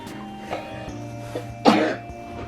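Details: Sick child on antibiotics for staphylococcal/streptococcal infection, feet steamed, sat upright to ease a coughing attack: one loud cough with a couple of faint ones over steady background music; coughing fit.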